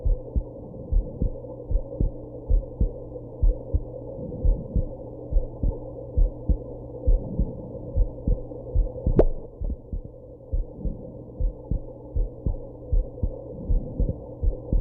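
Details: Adult's own heartbeat, steady and fast at about 115 a minute, after smoking and drinking a little at a birthday, with one sharp hiccup jolt partway through; heartbeat with hiccups.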